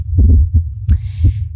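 Deep, rapid thumping beats picked up through a microphone, about four beats in a second and a half; a fast heartbeat.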